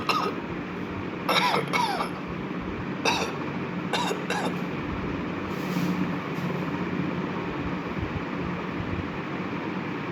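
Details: Cough, recorded for a cough detection system built with an Arduino 33 BLE Sense and Edge Impulse.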